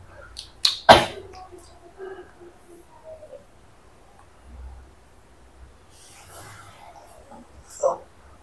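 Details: One sharp, explosive sneeze near the start, then quiet room sounds and a brief later noise; a single ordinary sneeze during massage therapy for a patient with right frozen shoulder.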